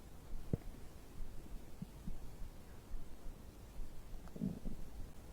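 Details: Soft, irregular low gurgles and rumbles of ordinary stomach growling, recorded from digestion after drinking a beverage; bowel sounds.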